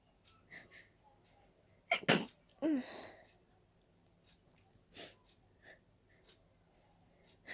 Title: Dust allergy sneezes